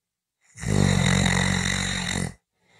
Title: 5 Minutes of snoring Audio